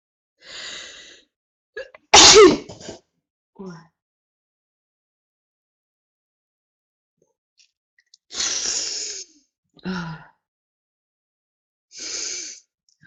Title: woman has a prolonged sneezing fit